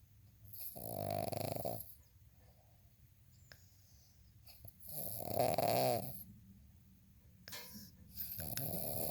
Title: happy early "27 snores" birthday!! 🎂 🤗